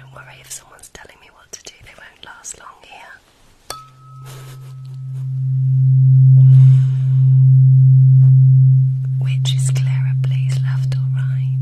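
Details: Simulated hearing test in an ASMR medical-examination roleplay: whispering and soft tapping, then a loud, steady, low tuning-fork hum that swells and lingers.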